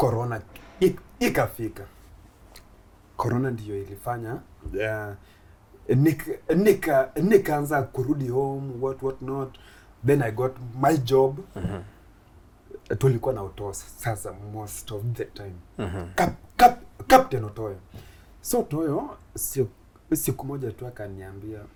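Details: Stuttering (stammering) in an adult Kenyan male comedian who began stammering in school; he finds plosive sounds especially difficult and shakes his head when he stammers.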